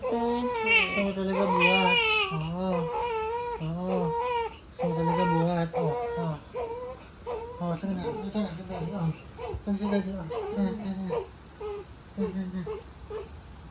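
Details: Newborn baby (born by caesarean section) on its first night home: repeated strong, high-pitched crying in bursts with adults soothing in the background, a normal newborn cry.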